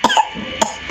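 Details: Children deliberately imitating coughs in a contest, not real coughs.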